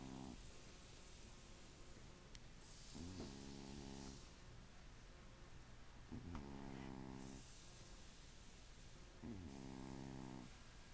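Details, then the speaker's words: Sleeping cat snoring; the owners think he has sleep apnea: steady rhythmic buzzing, rattling snores, about one breath every three seconds, with faint room noise. "You hear the kitty snoring? Is he keeping you awake? Are you unable to get any good rest?"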